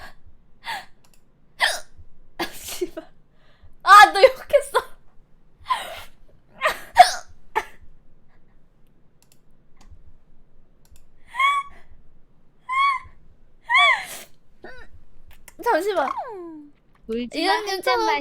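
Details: Streamer during a live stream, series of short abrupt voiced catches in two clusters with brief vocal sounds between; hiccups.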